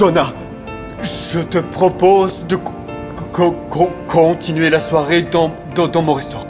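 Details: Young man who stutters, speaking French to a woman at a speed-dating session in a film excerpt; stuttering said to worsen with emotion, e.g. talking to a woman; stuttering.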